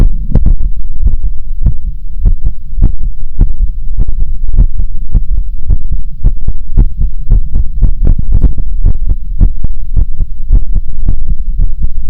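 Loud, deep, steady thumping heartbeat, fast at roughly 110–120 beats a minute, over a heavy low hum.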